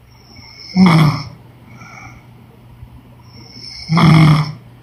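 Two loud, low, rumbling snores about three seconds apart, with quiet breathing between them.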